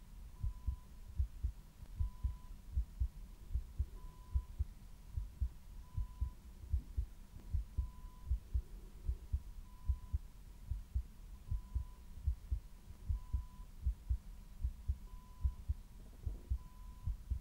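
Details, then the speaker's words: Role-play ASMR nurse exam, simulated ICU patient with atrial flutter: heart listened to before digoxin, rate stated as 78; steady low thumping heartbeat, about 75 a minute, with a faint steady hum behind. "Heart rate is 78, so it is safe to give you digoxin."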